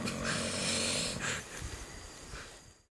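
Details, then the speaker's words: A person snoring very loudly at 1 a.m. in a mountain campsite: a loud, rough snore on a long breath in, a shorter snort, then quieter breathing. "ready 1 a.m. in the morning and I can't sleep because that is snoring very loudly you hear that"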